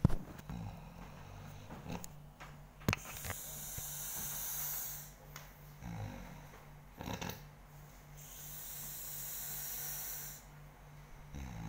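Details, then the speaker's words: Sleeping person recorded snoring, disturbing others' sleep: low rhythmic snoring in slow breath cycles over steady background hiss, with a few faint snorts; snoring. "Oke, inilah suara yang mengganggu kita."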